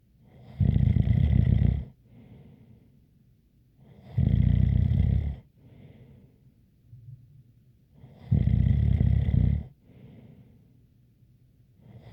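Loud rattling snores on each in-breath, roughly every four seconds, with a faint whistle and softer out-breaths; snoring.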